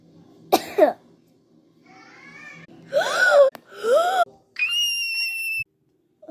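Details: Single acted cough in a COVID-themed comedy skit, followed by brief voiced exclamations and a steady high tone.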